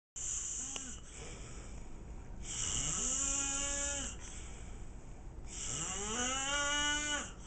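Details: Adult man snoring: two loud, rattling, buzzing snores on inhalation, the second rising in pitch, over a steady background hiss; ordinary snoring.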